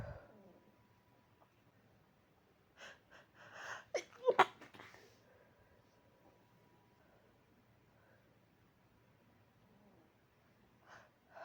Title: in need of a big sneeze, but forced not to